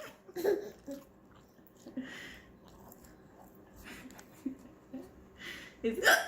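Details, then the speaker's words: Mother with hiccups she can't control: short, abrupt throat sounds at irregular intervals amid light laughter and household noise. "it good? Good. Mommy can't control her hiccups. Yeah."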